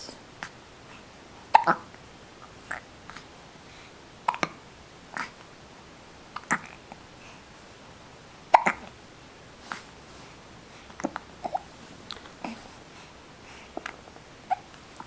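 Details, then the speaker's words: Hiccups: repeated short, sharp hiccup sounds at uneven intervals over about fifteen seconds, in a quiet room. "I have the hiccups. I have the hiccups."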